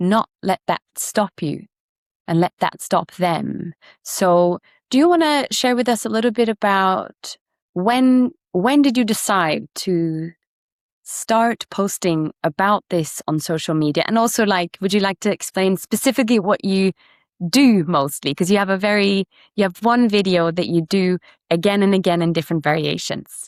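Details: Adult speaker; typical speech.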